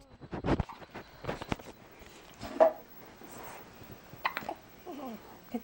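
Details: Hiccups: abrupt catching sounds in short bursts amid light room noise and movement.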